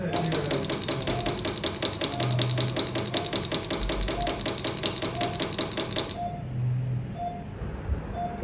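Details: Man with sudden urinary retention and lower abdominal pain, with two stones in a ureterocele in the bladder: rapid typewriter-like taps stopping abruptly over operating-room hum, as a piston-type pneumatic lithotripter repeatedly strikes the large stone.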